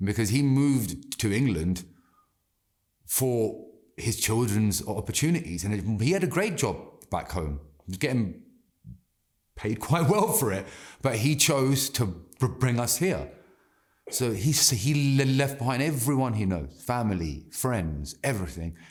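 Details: Adult man who has stammered since childhood and says it has not stopped in adulthood; he blocks, worse with nerves, stress, translating in his head or speaking Hindi; slowing down and breathing helps; stuttering (stammer).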